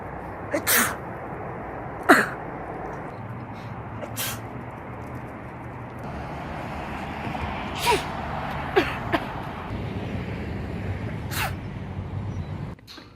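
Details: Female sneezing: about six short, forceful sneezes in a row over steady background rumble; ordinary repeated sneezing.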